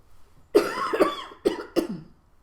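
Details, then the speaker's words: Person with bronchiectasis and NTM infection doing lung clearance with nebulized saline and a flutter oscillating PEP device, after nebulizing, outdoors: three loose, wet, rattly coughs, a productive cough bringing up a little sputum. "it's finished okay so i've coughed up just a little bit there"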